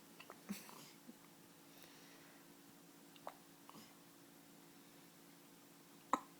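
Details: 1-week-old baby with hiccups: three faint, abrupt catching sounds about three seconds apart in a quiet room.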